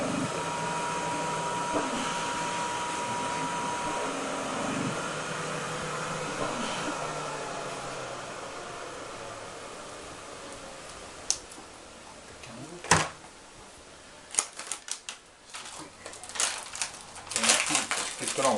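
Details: Mechanical insufflation-exsufflation (cough assist) through a tracheostomy: steady rushing airflow that fades, then sharp clicks and bursts, clearing secretions.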